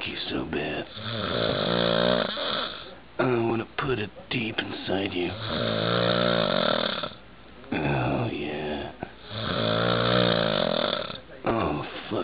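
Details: Heavy snoring: loud, rattling snores with short pauses between them, about three snores in twelve seconds.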